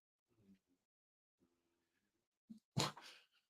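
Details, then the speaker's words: Faint, low rumbling breaths followed by a sharp, loud snort from a sleeping dog in a quiet room: snoring. "Strawberry's out like a light. I don't know if you can hear her snoring, but she's snoring up a storm."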